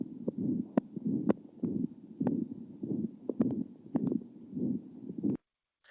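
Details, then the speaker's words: Loud whooshing murmur over each beat of a dog's heart at around 110 a minute; judged very severe and warranting investigation; heart murmur. "And so when your vets hear a murmur, that's what they're hearing. And that murmur correlates to flow of blood through the heart."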